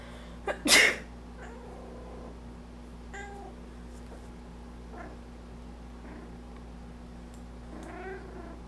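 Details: A single sharp sneeze near the start from a person allergic to their cat, followed by the cat's meows in a quiet room; sneezing.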